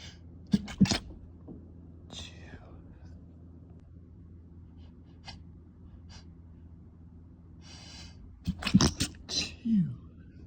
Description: Another late-night sneezing fit, trying my best not to wake anyone up